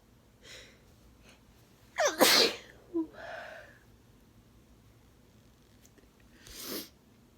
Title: Sneezing in tissue 🤧